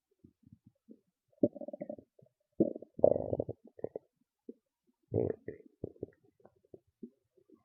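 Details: Loud stomach growls and gurgles: irregular low gurgles and rumbling growls from the belly with short pops between; ordinary bowel sounds (borborygmi).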